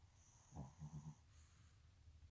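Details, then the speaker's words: A short, soft, low rumbling breath with a few quick fluttering pulses over quiet background hiss from a sleepy female, described as snoring; light snoring. "Somebody is very sleepy when she's snoring."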